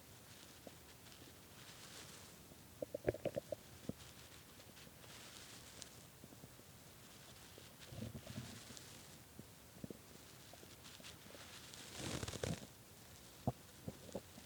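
Intermittent gurgling, rumbling bursts with quiet gaps between them: hunger-related stomach growling, an ordinary bowel sound.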